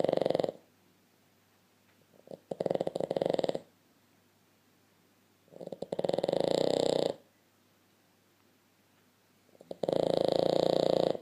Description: Fast asleep nose to nose Boston Terrier snoring